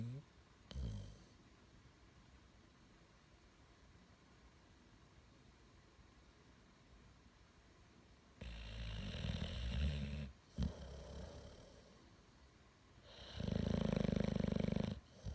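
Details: Loud, low, fluttering snores on breathing in, separated by quiet gaps: snoring.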